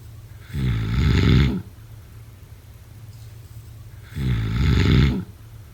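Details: Two loud, rattling snores on breathing in during sleep, about four seconds apart, with quiet breathing between; typical snoring.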